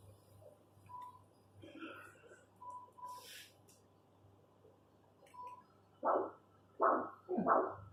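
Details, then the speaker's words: Normal, preserved arterial Doppler flow in the posterior tibial artery, in a leg with arterial disease where the anterior tibial artery is severely obstructed proximally. "y vemos que el flujo en la tibial posterior está normal, está conservado, miren qué buen flujo."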